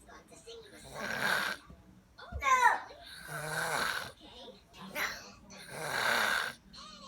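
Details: Drunk girl snoring: loud, rough snores with each breath, about three in seven seconds, with a short vocal sound between them; ordinary snoring.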